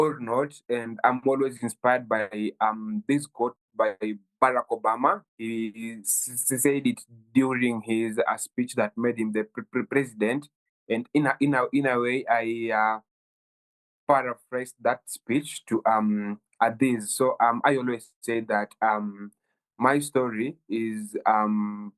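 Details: Stuttering in a 23-year-old Kenyan man who has stammered since childhood, reportedly worsening at university.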